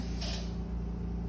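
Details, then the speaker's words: Cesarean section quantitative blood loss demonstration, Neptune suction removing remaining first liter of irrigation: steady low hum with a brief hiss of fluid being drawn up; surgical suction running. "Not all of the irrigation is going to be used during every case, so we're just going to suck out the remainder of that irrigation, the first liter that was used to soak laps and to put into the irrigation canister."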